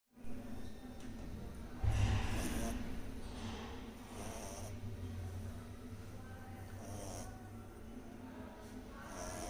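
Low, rumbling snoring breaths from a sleeping puppy, steady and soft, with a few snorting sounds.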